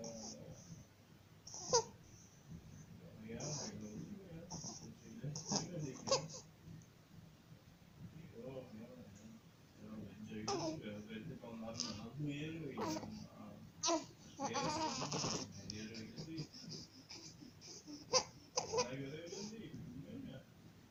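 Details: 50-day-old baby with laryngomalacia, also tagged APLV (cow's milk protein allergy): noisy, crowing breaths with small vocal sounds, inspiratory stridor.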